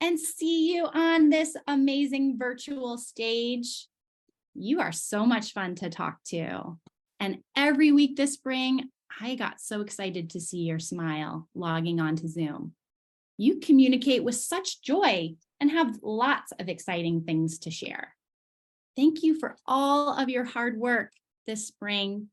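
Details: Adult woman speaking; normal fluent speech.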